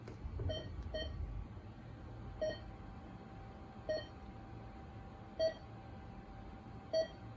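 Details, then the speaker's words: Neuro/surgical ICU bedside monitor QRS pulse tone, demonstration set to simulate a patient going bradycardic: beeps spaced further apart, about 40 a minute, audibly signalling decline. "So while we are doing a procedure on a patient and we're using our rapid onset medications, we're doing some type of procedure that requires that, we can hear if they're declining. So listen, I'm going to set it and the patient's going to go Brady."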